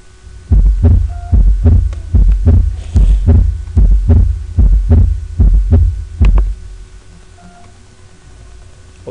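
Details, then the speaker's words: Normal cardiac auscultation at the mitral focus: a regular heartbeat at about 74 per minute with clear first and second heart sounds, the second sound short and higher-pitched than the first. "allí estamos oyendo también el segundo ruido cardíaco, pero oye muy bien, sobre todo en el foco mitral, ese segundo ruido, el primer ruido, el segundo ruido es el corto, tonalidad alta más que el R1, ocasionado por el cierre sigmoideo pulmonar, más audil en focos de la basis, básicamente es cierre de las válvulas atove"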